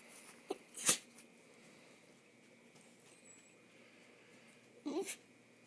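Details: Small dachshund, a whiny dog; the owner notes a sneezing problem during allergy season: a faint whine, then two short, sharp sneeze bursts in a quiet room.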